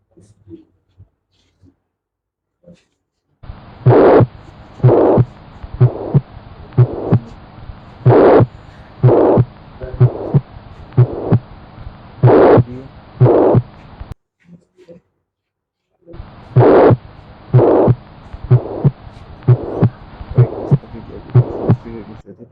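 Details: Mixed heart murmurs in infective endocarditis: mitral regurgitation, tricuspid regurgitation and aortic stenosis audible in one patient.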